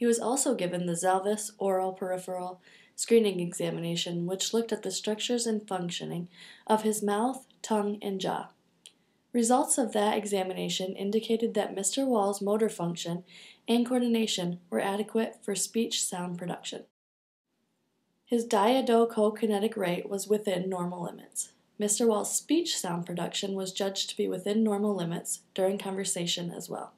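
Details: Adult woman speaking in a small room; normal adult speech.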